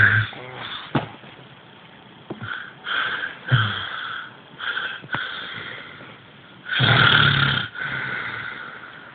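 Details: A man snores very loudly in a small room, with harsh irregular bursts and a rough noisy quality on each breath, "as if choking"; his friend suspects something is wrong with his sleep.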